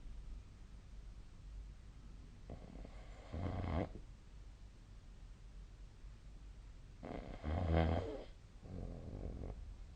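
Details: Soft low snores on inhalation, two cycles about four seconds apart, with quieter breathing between and faint room noise; snoring during sleep, recorded with the SnoreLab snoring app.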